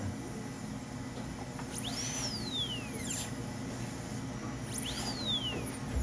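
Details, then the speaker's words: Dental drill preparing porcelain veneers on teeth #7 and #8 with lingual chamfer margins, taking more reduction toward the incisal edge before changing burs. High-pitched whine rises and falls as the drill starts and slows, over steady room noise. "So both of them toward the incisal, I could take a little bit more, and I'll do that before I change burrs, because I don't like to go back and forth much if I can help it."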